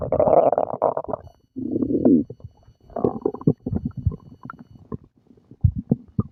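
Low rumbling and bubbly gurgles come in irregular bursts with brief gaps, typical stomach growling from active bowel sounds after a meal.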